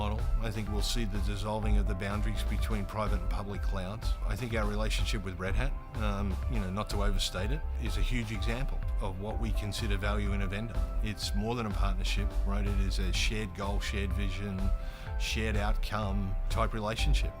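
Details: Adult male speaker; normal voice.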